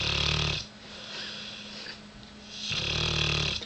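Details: Sleeping dog snoring: loud, harsh buzzing snores, two long snores with quieter breathing between.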